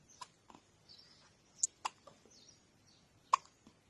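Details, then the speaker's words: Chubby baby girl with frequent hiccups, said to happen every day, in the morning: several brief, sharp, irregular hiccups, about five in four seconds, in a quiet room. "good morning munchkin you're always getting the hiccups"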